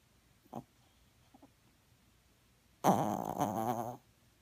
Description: Momo is snoring with eyes opened.